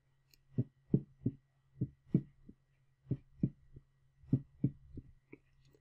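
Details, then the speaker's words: S3 gallop: slow heartbeat with a third soft thump after each second sound, from blood filling the ventricles, giving a three-beat 'Ken-tuc-ky' cadence; often benign in children. "now this order s 1 s 2 s 3 has a cadence to it it's called a gallop oftentimes people refer to it as a kentucky gallop because the cadence of Kentucky explains the cadence of those sounds"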